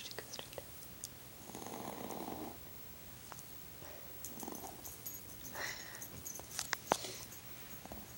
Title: Somebodys snoring